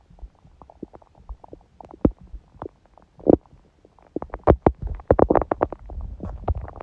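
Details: Soft irregular gurgles and clicks build to a cluster of louder bubbling rumbles, ordinary bowel sounds. Recorded on a day after a morning smoothie and salad, when hunger and digestion sounds stayed faint.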